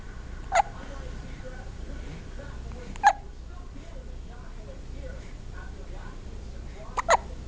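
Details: Big hiccups: four short, sharp hiccups over about seven seconds, the last two close together, against steady background noise.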